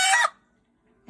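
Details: Hen with marked wheezing, no runny eyes or nasal discharge, after a treatment was applied; one short, harsh cough-like burst with noisy breathing: cough/wheeze.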